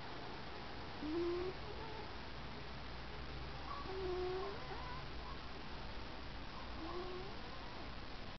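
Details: A sleeping cat gives soft, whistly, pitched snores about every three seconds over steady background hiss; snoring.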